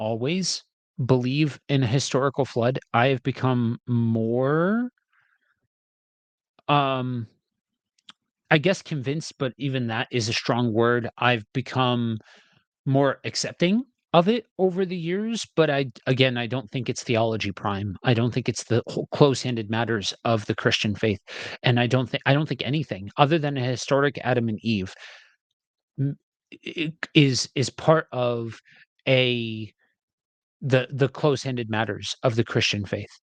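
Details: Adult male reader who says he has a speech impediment and will stumble and stutter while reading aloud; stuttering.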